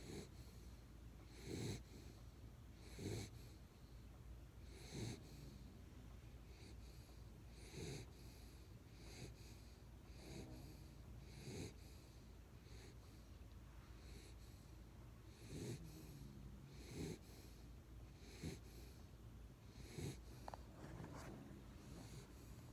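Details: Sleeping dog: soft, snorting snores repeating every couple of seconds in a quiet room.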